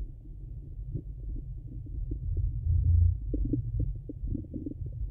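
Continuous low rumbling with soft gurgles and small bubbling pops through a stethoscope: normal bowel sounds.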